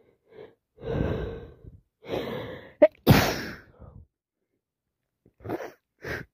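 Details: A person with a common cold sneezing repeatedly, with several sneeze bursts, sharp inhaled gasps and lots of sniffing between them.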